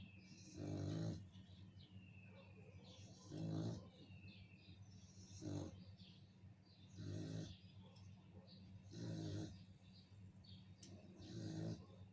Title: aw snores